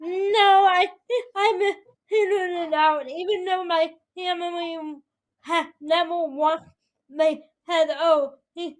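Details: 22-year-old woman with spastic quadriplegic cerebral palsy affecting her whole body including speech, right side impaired, uses a walker or wheelchair; spastic dysarthria (cerebral palsy).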